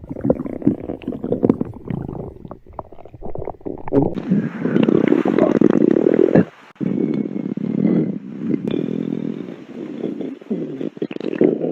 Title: stomach growls for 3 minutes